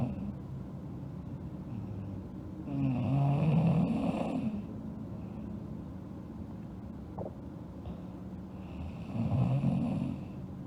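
Low, fluttering snores come about every six seconds, roughly ten breaths a minute, with quiet breathing between them: regular snoring.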